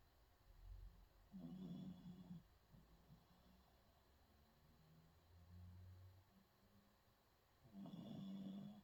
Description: This is the sort of sleep I desperately need right now. I'm so jealous of him.